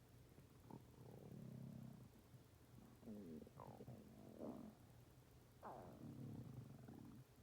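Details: Stomach growling (borborygmi): low bubbling gurgles and drawn-out rumbling groans with squeaky rising tones, in several bursts over a quiet hum.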